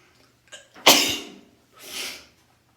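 A short indrawn breath, then a loud explosive sneeze and a softer outward breath afterward; a single sneeze.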